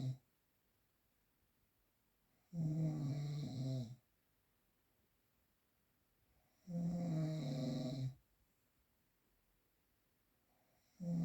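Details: Real, unprocessed recording: loud, low rattling snores on each breath in, about every four seconds, with quiet gaps between, music in background; ordinary adult snoring.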